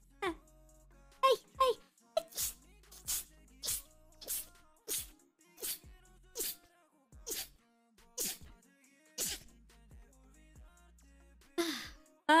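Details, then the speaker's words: A rapid run of about a dozen short, sharp sneezes from a female streamer, each a quick burst of air, with faint background music; rapid sneezing fit. "Neta, estornudar es de las cosas más ricas del mundo. Sientes como si todos tus sesos se sacudieran y les dieras como más espacio para respirar entre ellos."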